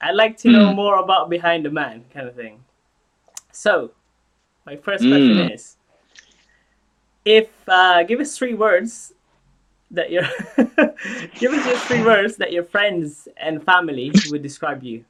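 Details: Adult speaker; typical speech.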